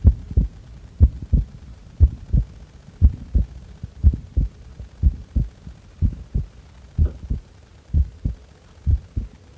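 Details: Normal heart sounds recorded during a breath-hold: clear, steady lub-dub at about 60 beats a minute.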